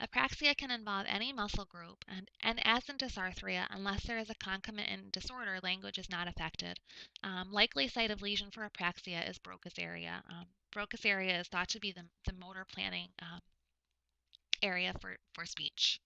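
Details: Adult lecturer; typical speech.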